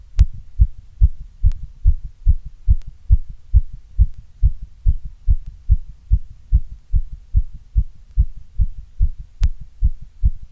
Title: Strong Heartbeat sound❣️